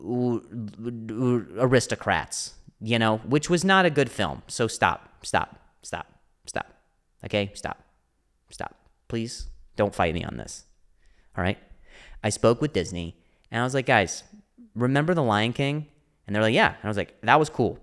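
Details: Stuttering (speech impediment) in an adult male comedian who stutters, speaking spontaneously and solo on his own podcast.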